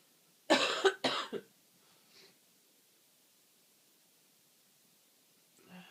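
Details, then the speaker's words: Two forceful sneezes in quick succession, then quiet breathing, from a person with yet another cold describing uncontrollable, unpredictable repeated sneezing and an itchy nose; sneezing. "Achoo. Achoo. Achoo. I am full of cold again. I'm so sorry, I really can't control."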